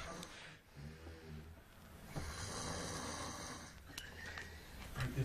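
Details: Loud low rattling snoring from a young man described as drunk, on the breaths, recorded in a shared room with background room noise.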